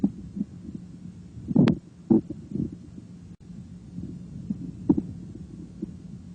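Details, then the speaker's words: Stethoscope diaphragm placed lightly on right lower quadrant (ileocecal valve area) during abdominal exam; soft, irregular gurgles and clicks over a low steady hum, normal bowel sounds. "Begin by placing the stethoscope diaphragm lightly on the right lower quadrant because the ilocal valve is in this quadrant valve sounds are usually audible here"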